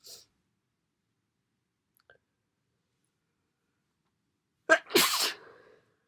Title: Sneezes and blows